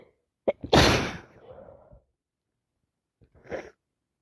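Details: Loud wet sneeze with a gasping intake before it, then a smaller sneeze, in someone sick after three colds in a row that turned into sinusitis, with constant sneezing and nose-blowing.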